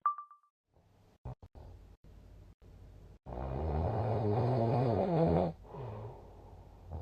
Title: いびき（snoring）2/15/2024 その18